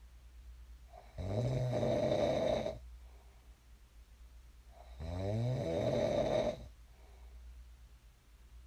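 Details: Sleep snoring recorded for ASMR: two loud, rattling inspiratory snores with quiet pauses between, about 16 breaths a minute; ordinary snoring in a sleeper who later woke up.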